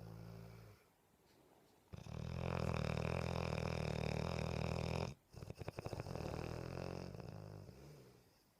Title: Raida snoring & dreaming--- LOUD BULLMASTIFF!!!